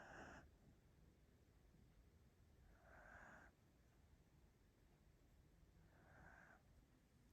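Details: Six-month-old Border Collie puppy getting sleepy on the sofa and starting to snore.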